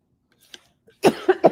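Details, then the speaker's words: Adult's self-described smoker's cough: three quick, rough cough bursts in a small room. "Oh, sorry. There's me and that smoker's cough again. I mean, if you know, you know."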